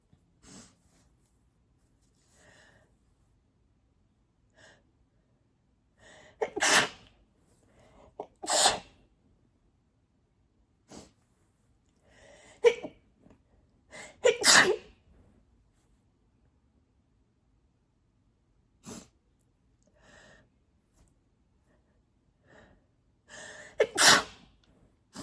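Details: Adult allergy sneezing fit, blamed on cat hair: 17 sneezes, some loud and sharp, most muffled as if covered.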